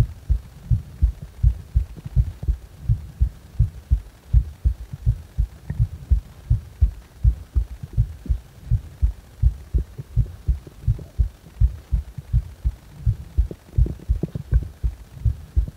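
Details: Heart sounds recorded while the chest felt uncomfortable: low heartbeats at about 82 a minute, mostly regular with slight unevenness.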